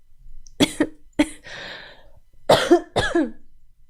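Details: Repeated sharp cough bursts in quick succession, with breathy pauses between groups, from a young woman on a live stream; she says she coughs a lot all night and can't sing after attending a concert yesterday.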